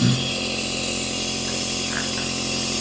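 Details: Nebulizer used on a toddler for cough and cold, child holding the mask: steady mechanical droning hum of a small compressor motor; nebulizer compressor running.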